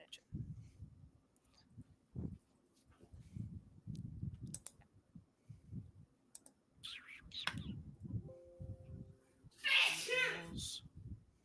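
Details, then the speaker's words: Amid quiet room noise and clicks, a single loud, sharp, explosive sneeze near the end from someone off screen during an online tabletop game session, remarked on as dramatic. "That was so dramatic. Are your walls okay? That sounded like an anime girl sneeze."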